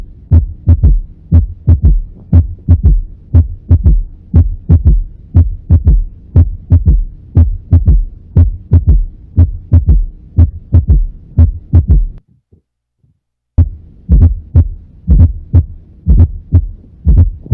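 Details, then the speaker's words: Third heart sound (S3), played for contrast with the fourth heart sound: regular low heartbeats about 60 a minute with an extra soft low sound after the second, a sign of ventricular failure. "contra el luego por el tercer ruido para que vea la diferencia"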